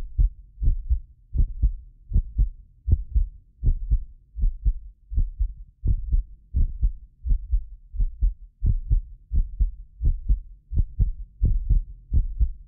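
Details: Heartbeat of a self-described medically fit person, recorded with more than six precision contact microphones: steady low thumps at about 85 per minute. Some beats are doubled by about 6 ms delay between microphones. Normal heart sounds.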